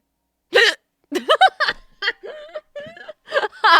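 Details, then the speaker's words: Painful hiccups lasting about 1.5 hours, lifelong tendency to hiccups, trying remedies such as hugging knees to chest: sudden voiced catches and squeaks break up breathing, mixed with light laughter; persisting hiccups. "because like I've gotten hiccups my whole life and if the answer was literally just hug my knees to my chest I would have been really angry"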